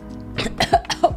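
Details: Three or four quick, harsh cough bursts in a row from a young woman right after her first bong hit of the night; cough.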